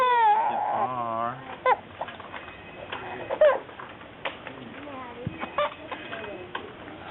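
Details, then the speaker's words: Infant crying loudly in rising and falling wail, then short whimpers and fussing, during cranial adjustment with fine tip at the occiput, finding it uncomfortable; infant cry. "so good and then going back to that very important bone called occiput with a fine tip and as you can see you find that uncomfortable okay"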